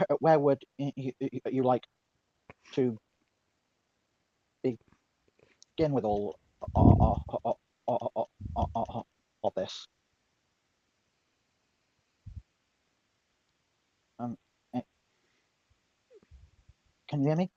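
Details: Stuttering in a female speaker who reports being mocked for her stutter; described by others as a speech impediment.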